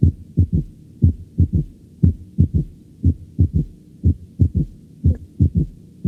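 A regular rhythm at about 60 beats a minute: each beat has two close low thumps, then a third soft, dull thump in early diastole, giving a galloping cadence. This third heart sound comes with rapid ventricular filling. It can be normal in the young, but in heart failure it is a ventricular gallop.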